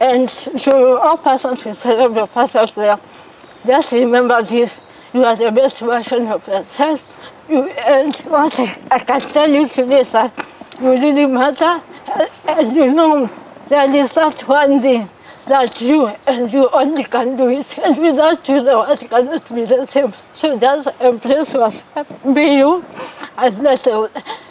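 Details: 33-year-old woman born with cerebral palsy; dysarthric speech in cerebral palsy.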